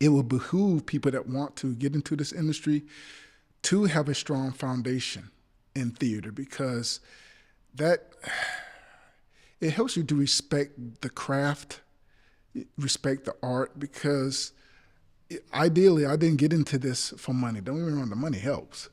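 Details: Adult male actor with a speech impediment, stuttering in conversation; he notes it happens when trying to remember things: stuttering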